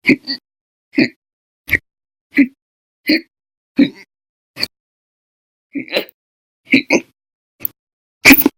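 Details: Violent, very loud persistent hiccups, repeating rapidly about every 0.7 seconds in a quiet room, with daily bouts lasting over 5 hours.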